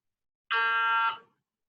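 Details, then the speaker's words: MRI scanner running a fast T2-weighted scan (3 min 22 s acquisition) on a volunteer after calibration; steady, loud, high-pitched buzzing, sounding different from the preceding T1-weighted scan because gradients are played out differently. "you'll hear the this particular scan um start and you'll notice that it's it's quite different the way it sounds and also note that this is a much faster scan"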